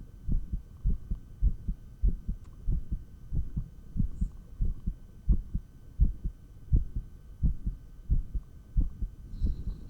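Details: Real heartbeat via stethoscope while exercising with 20 lb dumbbells: regular, fairly quick low thumps about 88 per minute with faint steady hum; normal heart sounds during exercise.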